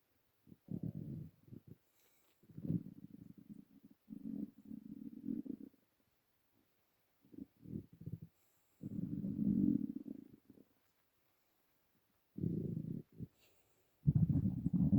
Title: Empty Stomach rumbling